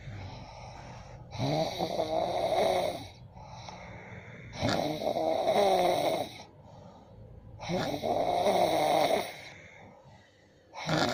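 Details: A partner sleeping and snoring loudly: harsh, fluttering snores at steady intervals, about 19 a minute, with quieter breaths between.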